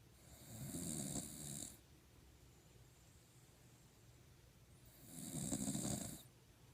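Two slow, rasping snores on breaths in, with quiet breathing between. Snoring.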